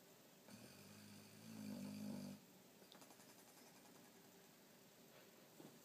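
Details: Dog snoring: a single low, buzzing, fluttering breath lasting about two seconds, then quiet.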